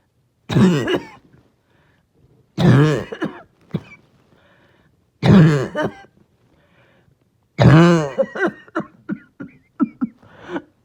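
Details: Barking cough, with the person trying not to choke.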